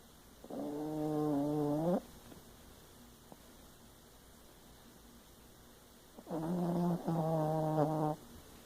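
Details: A sleeping pet gives two long, tonal, buzzing snores separated by a quiet pause; ordinary snoring.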